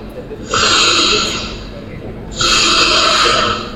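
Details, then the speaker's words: Two loud, harsh, rasping snores in quick succession from turbulent airflow through a narrowed upper airway, then breathing stops briefly: loud snoring of obstructive sleep apnea. "Nah, ngorok keras itu artinya udara itu turbulens di dalam saluran napas kita. Nah, lihat dia berhenti sebentar. Nah, habis itu nanti pasien akan terbangun gitu."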